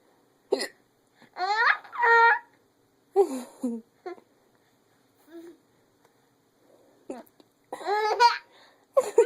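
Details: Infant with hiccups: short, abrupt voiced catches between babbling and laughing sounds.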